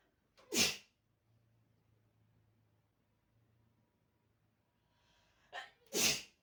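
Two sharp sneezes several seconds apart in a quiet room, the second preceded by a short catch of breath. Ordinary sneezing.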